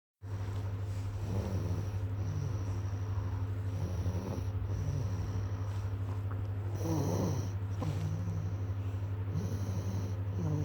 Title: mama caught me snoring